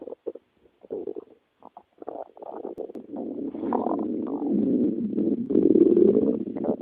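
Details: Stomach growling (borborygmi): gurgling, bubbling rumbles, first in short bursts, then a long rising growl.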